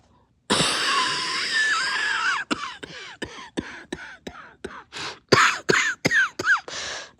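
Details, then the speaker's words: An adult with a cough, unsure whether it is upper or lower respiratory, gives a long raspy throat-clearing effort, then about a dozen short, harsh coughs with snorts and throat clearing. "Does this sound like a upper respiratory cough or a lower respiratory cough?"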